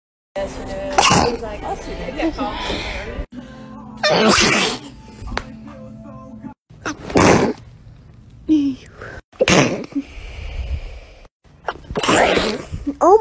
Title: sneezing compilation 7